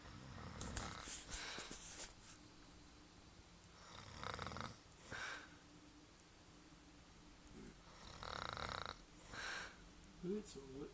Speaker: This is proof that my mother snores, and very loud. Sounds like a chainsaw.